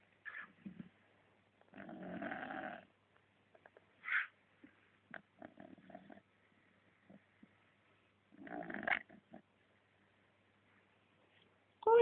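Rough, fluttering snores recur in separate bursts with quiet gaps between them, the snoring of a sleeping dog.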